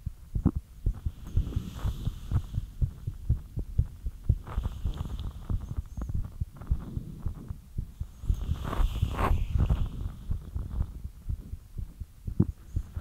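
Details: Rapid heartbeat about 118 beats a minute with rustling noise; fast heartbeat after light exercise.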